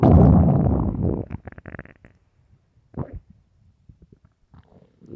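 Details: Extremely loud, deep stomach growls from an empty stomach: a long rumble followed by bursts of gurgling and popping; borborygmi.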